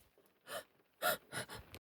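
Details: Female making three quick, sharp, breathy intakes in a quiet room: gasping breaths.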